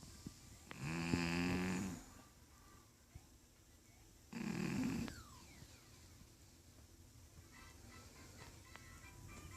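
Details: Two loud, rattling snores on inhaling, separated by quiet pauses, over faint room noise, from a 14-year-old cat that has only started snoring in her old age; snoring.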